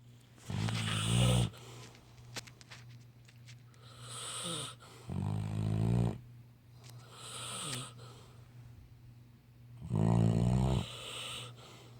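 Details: Sleeping Labrador dog: loud rattling snores on each breath in, with quieter breaths out between them, about every 4–5 seconds; snoring.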